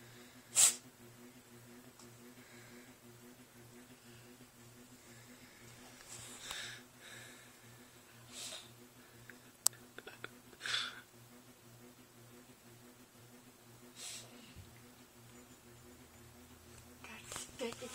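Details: Cat with a sneezing fit, thought to have food stuck up her nose, which she eventually clears: several small, quiet sneezes and snorts over a few seconds with a steady room hum; repeated sneezing.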